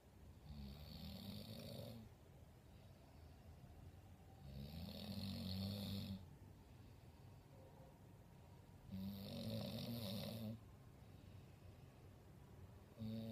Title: snoring Proof